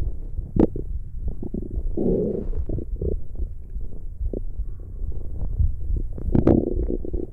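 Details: ASMR recording: continuous low gurgling and rumbling with bubbly pops, normal stomach growling (borborygmi) from gas and fluid moving through the gut.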